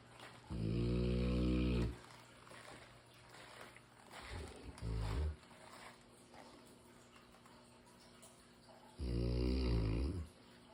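Deep, loud rumbling snores from a sleeping large dog, with quieter breathing between them; ordinary sleep snoring.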